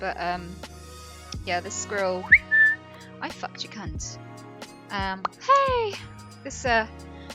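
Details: Tourette syndrome in a woman, with vocal tics such as swearing and interjections mid-sentence; Tourette syndrome vocal tics.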